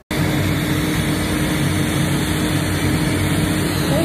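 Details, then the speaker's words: A loud, steady rushing roar: the cooling air blower of a laser hair removal device, giving relief during the treatment. "so as you can see in the video there's that little cool air blowing i don't know if you can hear that loudness behind the camera but that is the air that puff of air that i was telling you about that feels like wonderful relief as the laser is doing its magic"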